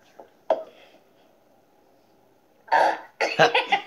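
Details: Girl with special needs laughing while burping: a short throaty burst, then two louder rough bursts close together, cough-like or burp-like throat sounds.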